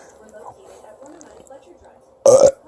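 Quiet room sounds, then a single loud, voiced burp lasting about a quarter second near the end.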